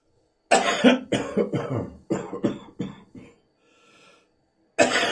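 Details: Bronchitis cough: an adult coughs on Christmas morning in a rapid run of about eight harsh bursts, breathes in, then starts coughing again.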